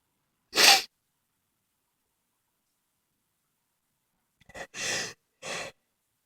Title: Cold Sneezes plus Noseblow